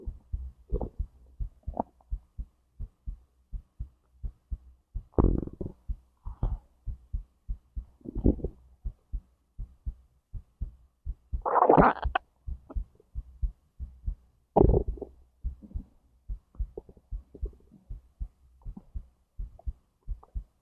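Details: Own recording of a whole digestive process from stomach to intestines; regular soft heartbeat around 130 beats a minute with intermittent gurgling digestion sounds; normal heart sounds with bowel sounds.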